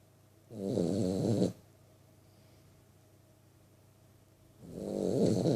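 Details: 3-month-old vizsla puppy snoring while asleep: two long, rattling snores about four seconds apart, quiet breathing between them, still room; ordinary snoring.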